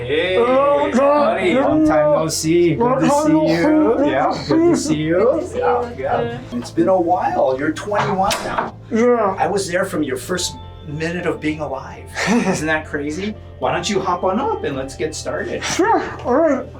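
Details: Adult male doctor, with brief replies from a young adult patient; typical adult speech.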